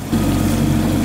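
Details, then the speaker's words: EE-OXY++ oxygen concentrator (PSA, up to 10 L/min) running after warm-up: loud steady low hum with faint bubbling as oxygen passes through the humidifier bottle to the mask. "आप देख सकते हैं कि media पर बोतल में में ये हवा आ रही है इसका मतलब के ऑक्सीजन यहां से निकलकर जिसमें से होते हुए मास्क में आ रही है"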